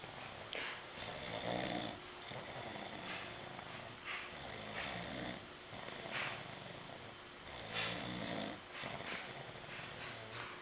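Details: Rhythmic rasping snoring, steady, about four breath cycles over ten seconds, with a faint room hum.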